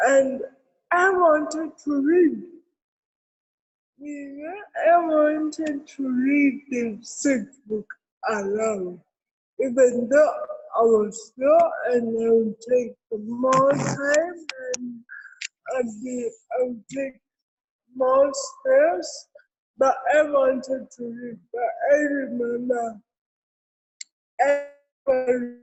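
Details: Adult woman with cerebral palsy; dysarthria associated with cerebral palsy.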